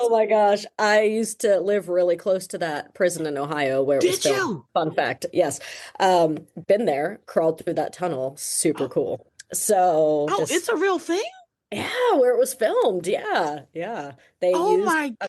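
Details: Adult woman speaking, brief exchange with another speaker; typical speech.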